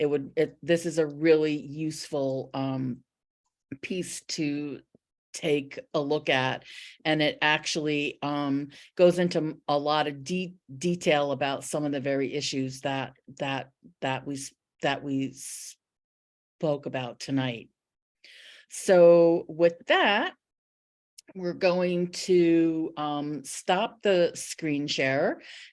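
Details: Stuttering in an adult who stutters.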